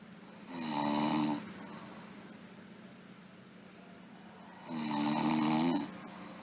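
Two slow, rattling snores on inhaling, separated by a quiet exhale, with a steady low hum in the room.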